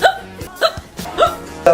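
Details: Four abrupt, voiced hiccups in under two seconds, each a short involuntary catch of the voice, with faint background music; hiccups from a compilation.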